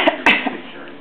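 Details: Two short, sharp adult cough bursts followed by a brief soft voiced sound in a small room, a cough that makes a person laugh.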